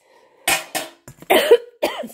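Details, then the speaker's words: Adult coughing fit during a thrift-store vlog: several sharp, harsh cough bursts in quick succession with wheezy catching breaths between them. Speaker apologises that the coughing got intense. "me an a Brody's again sorry about that the coffin got intense there for a second"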